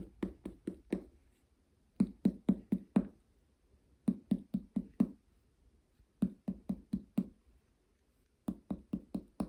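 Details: Nursing head-to-toe assessment of a female patient, abdominal percussion: short bursts of four to five finger taps moving up from the right lower quadrant, hollow tympany giving way to dullness at the liver border.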